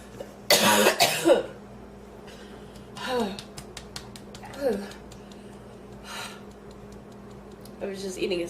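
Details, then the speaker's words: Harsh, explosive coughs with gasping, strained breaths between bursts, from an adult woman who inhaled part of her food and feels food in her lungs; a choking cough fit as the airway tries to clear it. "and i inhaled part of it i thought i was gonna choke to death"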